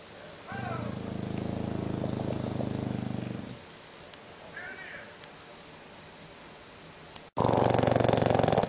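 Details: Bulldog snoring: low, rattling snore on a long in-breath, then quieter breathing with a soft snort; flat-faced dog's noisy sleep breathing; snoring.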